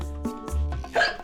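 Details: Chronic intractable hiccups.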